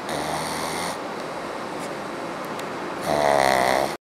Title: Cute Pug snoring loudly